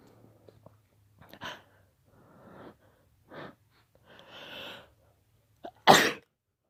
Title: Sneezing